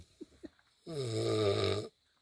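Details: Person snoring while sleeping: a single loud, rumbling snore on an in-breath follows a couple of soft breath sounds in a quiet room.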